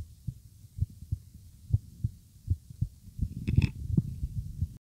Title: Morning heartbeat